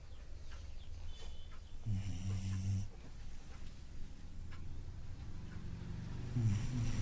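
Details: A sleeping dog snoring: low, deep rumbling snores on each breath with soft nasal sounds between.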